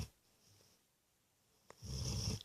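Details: Sleeping on someone else's bed: a quiet pause, then one low, rattling snore in a quiet room; snoring.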